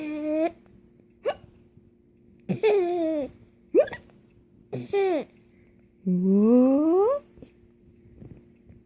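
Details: An infant's voice broken by sudden short catches, each followed by giggly vocal sounds. Hiccups mixed with laughter.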